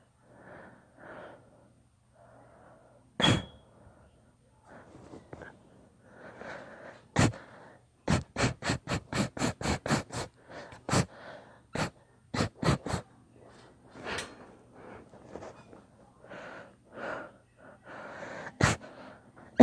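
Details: Long induced sneezing fit: many sharp sneezes in quick succession, with sniffing and breathy inhalations between them.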